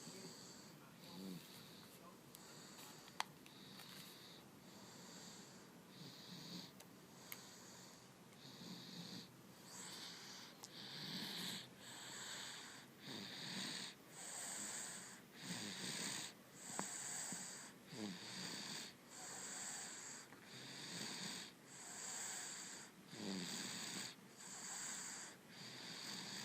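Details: Quick, regular, raspy sleep breaths with a hissing snoring quality from a sleeping pet named Violet, a harmless snore in a resting animal.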